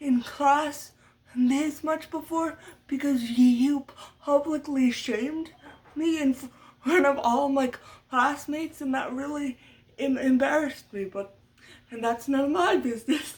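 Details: Adult woman who stutters, which she attributes to muscle tightness from cerebral palsy (brain damage as a baby); speech therapy from a young age through senior year of high school; uses techniques but expects lifelong stuttering; stuttering.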